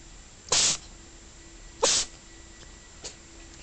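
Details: A person with a cold sneezing: two sharp, hissing sneezes about a second apart, then a faint third; ordinary sneezing.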